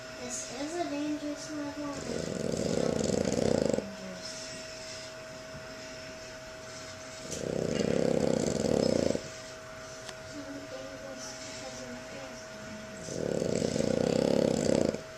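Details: Pepper sleeping, recorded on a Flip Video camcorder: three long, rough, rumbling breaths about five seconds apart, roughly 11 a minute, over a faint steady hum. Snoring during sleep.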